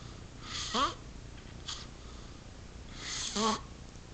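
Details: Snoring: two noisy, rasping breaths about three seconds apart, each ending in a squeaky rising tone, over quiet room noise.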